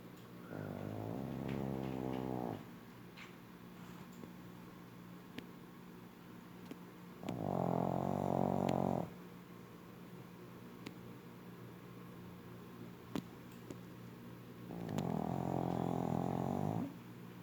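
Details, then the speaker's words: Pug, a flat-faced dog, snoring very loudly while asleep: loud rattling snores in three long breaths about six seconds apart, with quiet breathing between. "Essa é a Juju, uma pug. Ela ronca muito alto."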